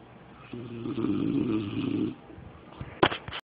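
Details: Male partner snoring during sleep: one drawn-out, buzzing snore on the in-breath, then quieter breathing and a few faint clicks.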